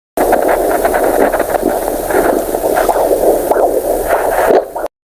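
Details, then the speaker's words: Handheld fetal Doppler probe with gel on a pregnant woman's abdomen: steady whooshing uterine souffle of amniotic fluid plus fast rhythmic lub-dub pulsing of the baby's heartbeat. "तो उस पानी का आवाज आता है तो उसको यूटर शफल कहते हैं और दूसरा जो आवाज आता है लब डप उसको हम बेबी के हार्ट बीट कहते हैं"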